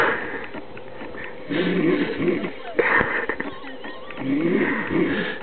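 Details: Snoring in a drunk, overweight adult man who passed out mid-sentence: rough, fluttering snores with a whistling edge, about three seconds apart.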